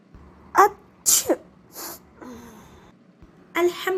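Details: Several short, sharp sneezes in a row in a quiet room, from an Islamic children's cartoon teaching sneezing etiquette, with the sneezer saying Alhamdulillah afterwards.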